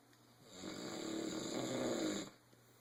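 A single loud, rough, rattling snore on the in-breath, lasting under two seconds, in a quiet room.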